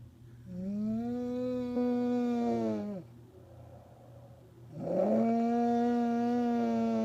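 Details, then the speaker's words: Adult woman asleep after a hard day's work: long, loud, musical humming snores on each breath with quiet pauses, likened to a factory horn; loud tonal snoring. "It sound like a it sound like lunchtime at the plant. That sound like lunchtime at the plant, man."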